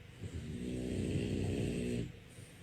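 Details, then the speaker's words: Sleeping bulldog snoring louder than a lawnmower; one long loud, rough, rumbling snore lasting about two seconds. "Number 2, the bulldog snoring louder than a lawnmower. You can't even hear the TV. That's not sleep. That's engine maintenance."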